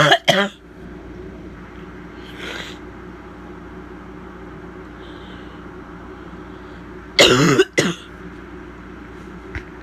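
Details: Adult woman with bronchitis gives several harsh, abrupt coughs: a barking cough.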